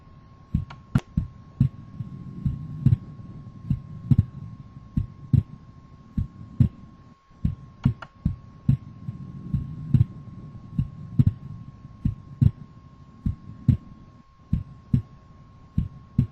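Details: Physiological splitting of the second heart sound.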